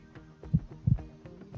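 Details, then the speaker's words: Soft low heartbeat thumps heard on the speaker's own chest through a homemade electronic stethoscope (old stethoscope diaphragm, condenser mic, audio amplifier), over a steady electrical hum. "देख सकते हैं ये stethoscope का diaphragm है इसको मैं रखूँगा यहाँ पे और ये मुझे अब जो है ना हार्ट बीट अपनी कानों में सुनाई देनी शुरू हो गई है बिल्कुल"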